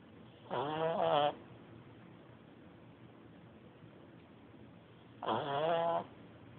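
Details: Pet named Frankie snoring while asleep: two short, buzzy snores about five seconds apart over quiet room noise.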